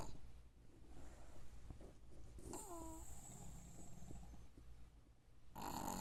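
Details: Pug snoring; snoring.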